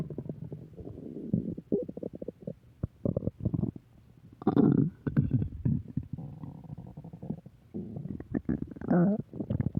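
Long run of gurgling, bubbling and creaking rumbles from the belly, ordinary stomach growling.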